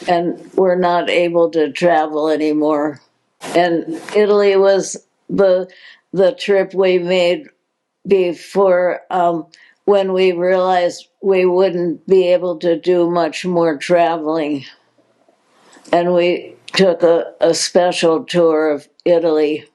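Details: Adult woman diagnosed in 2020 with progressive supranuclear palsy, a progressive incurable neurological disease, with hesitations; hypokinetic-spastic dysarthria with word repetitions.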